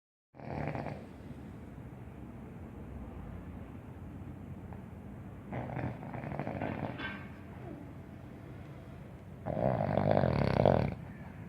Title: THE SNORING DOGS😄OZIE AND DOXIE🤪